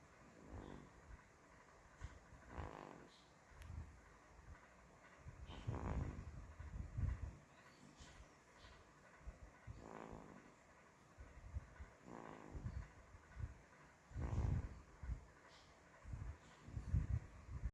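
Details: Infant snoring in sleep: soft, low, rhythmic snorting breaths repeating every few seconds.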